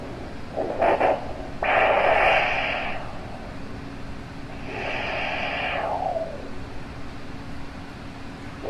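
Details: Two slow, broad whooshing pulses over steady hiss: Doppler heart rate of a rehabilitating sea turtle recovering from injuries at a sea turtle recovery center.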